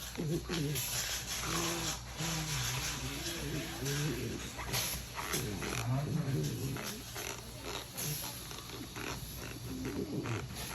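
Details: Vocal tic occurring together with choreoathetotic movements and bruxism, which were stopped by brain stimulation.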